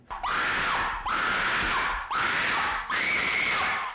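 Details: Screaming vocal tic in a female with Tourette syndrome; she screams through her throat about three times and starts over if she messes up.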